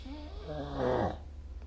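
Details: Snoring during sleep recorded with the SnoreLab app: a single deep, rumbling snore on breathing in, against a low background hum.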